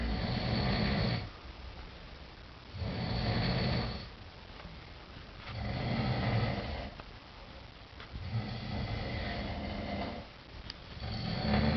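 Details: Two sleepers snoring together: loud, deep rattling snores on each inward breath, about 22 breaths a minute, quiet pauses between; snoring.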